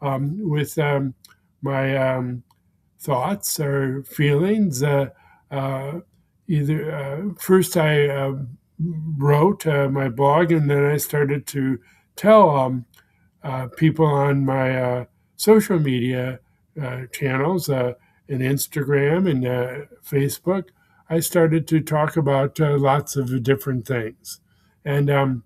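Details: Man with expressive aphasia after a first stroke that damaged his speech center; a second stroke impaired right-side motor function; about 16 years post-stroke; expressive aphasia.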